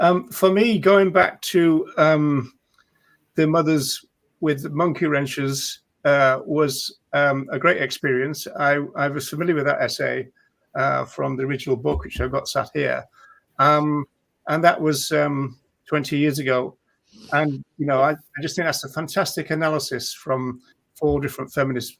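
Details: Adult speaker; normal speech.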